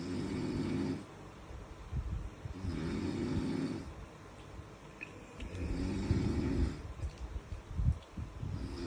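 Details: Snoring: deep, rumbling snores repeat with each breath, about 20 a minute, with quieter exhalations between.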